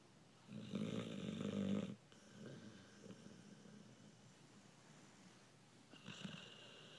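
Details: Sleeping American Bulldog: a loud rattling snore on the in-breath, then quiet breathing and the start of another snore; snoring.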